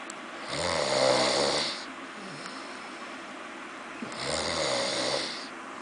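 Two long, rough snoring sounds on the in-breath, with a quiet out-breath between. Ordinary snoring.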